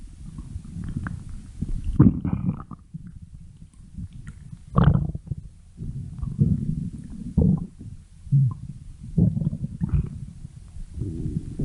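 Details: Low, bubbling gurgles and rumbles rising and fading in irregular bursts: stomach growling (borborygmi).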